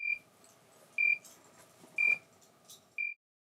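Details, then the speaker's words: Left ventricular assist device (LVAD) system controller alarm: short high beeps repeating once a second, four in all, sounded for events such as a battery problem. "The screen can display system data, user instructions and alarms. Alarms are also emitted as audible beeps - for example when a battery becomes"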